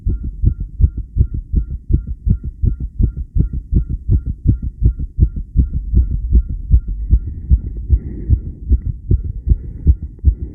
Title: Steady tachycardia heartbeat sound subj.-b1